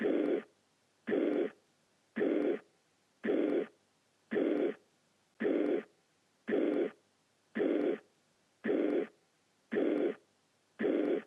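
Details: Regular, even whooshing with each beat at about 56 a minute; steady blowing murmur of mitral valve regurgitation (mitral insufficiency) on auscultation.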